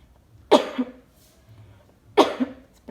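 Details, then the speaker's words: Two single, muffled voluntary coughs covered with the elbow, simulated by a nursing student demonstrating cough etiquette during an effective-coughing teaching role-play for a patient with shortness of breath and productive cough. "Rasanya ada yang kurang mohon maaf tadi ketika batu kita boleh menutup batu itu dengan saputangan atau dengan tissue yang kita punya atau tidak jika tidak ada dua itu kita bisa menggunakan dengan siku kita sendiri akhirat seperti ini"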